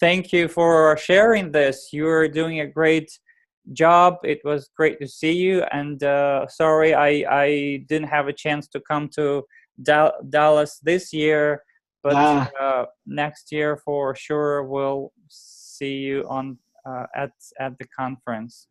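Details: Adult man who has stuttered since age 4 and still clearly stutters; speech therapy and support groups helped him; stuttering.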